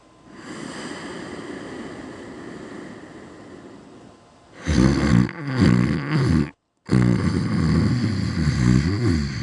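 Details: Loud, coarse, rattling breaths over a steady low hum, with a brief break in the sound; loud, heavy snoring.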